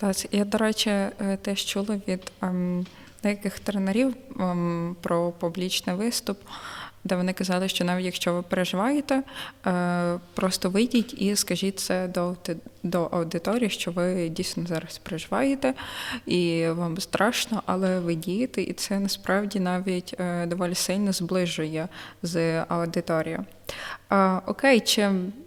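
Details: Adult woman speaking Ukrainian; normal speech.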